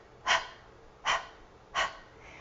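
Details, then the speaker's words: Demonstrated huff cough (forced expiratory technique): after a slightly deeper than normal breath, three breathy open-glottis huffs in quick succession, taught for COPD/emphysema to prevent airway collapse. "you have them take just a little bit deeper breath than normal not a huge breath a little bit deeper than normal and you have them stage that cough two or three times with an open glottis so this is what it sounds like"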